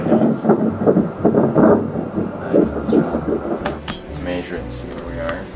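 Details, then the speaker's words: Rapid rhythmic whooshing pulses around 155 to 160 a minute on ultrasound at about 11.5–12 weeks of pregnancy, with the fetus moving; normal, healthy-sounding fetal heartbeat. "Sounds healthy so far. That's what we want to hear."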